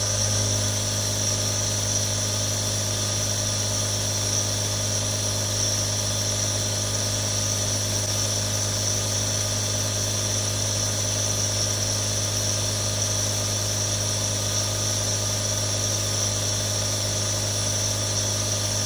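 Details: Real sounds from one of three different nebulizers: a steady mechanical hum with a constant hiss and low buzz throughout as the nebulizer runs continuously.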